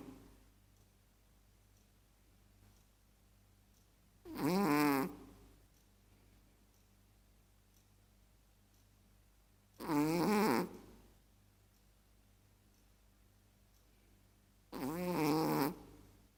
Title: Snoring Chihuahua.